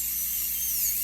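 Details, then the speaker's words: Steady high-pitched whine of a high-speed diamond bur drilling through a PFM crown on tooth #19 of a live patient for root canal access, with faint room hum, before switching to the ultrasonic. "drill through my brush with my diamond and then when I'm when I feel like I'm getting close and I switch to"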